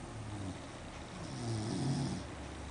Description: My Beagle Nina is doing what she does the most, sleeping! Sometimes she snores so loud that she awakes herself, LOL.